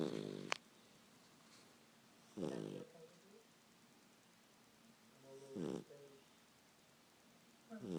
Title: Snoring pup